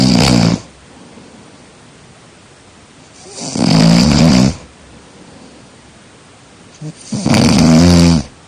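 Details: Loud, rattling snores with each breath, about three in the clip, separated by quiet breathing against steady room hiss; snoring during sleep.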